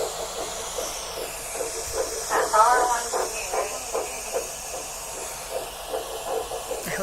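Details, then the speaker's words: Fetal heartbeat on Doppler, a recording played back from a phone: fast, soft whooshing pulses at about 160 beats a minute through a steady hiss. "the last video I wasn't able to show you guys let you guys hear the heartbeat because I did to make a little recording of raps I'm gonna play that for my phone right now"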